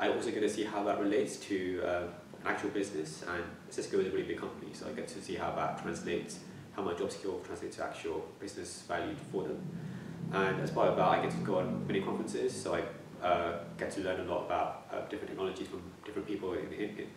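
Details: Stuttering in a young adult man who has stammered since childhood and used to avoid talking.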